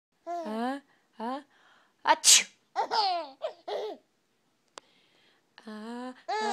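A single sharp, explosive sneeze amid playful voiced babbling and laughter.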